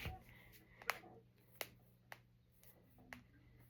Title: Cracking my fingers and knuckles. #jointcracking #knucklecracking #cracking #crackingasmr